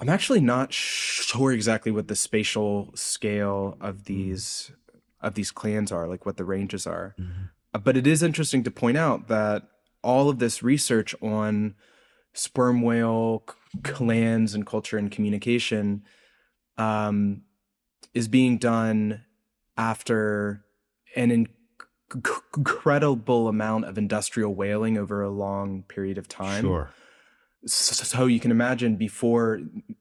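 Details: Adult man's real, self-reported speech impediment, present throughout the interview; this clip has word repetitions; disfluent speech (stuttering-like word repetitions).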